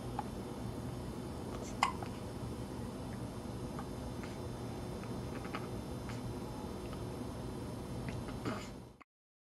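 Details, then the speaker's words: A young girl who gets hiccups often: two sharp, brief hiccup clicks several seconds apart against steady room noise; hiccups. "I've never known a child to get hiccups this much."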